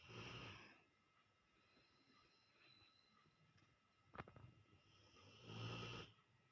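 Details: Rottweiler dog snoring: two rough, rumbling inhaled snores at the start and end with quiet breathing between; ordinary dog snoring.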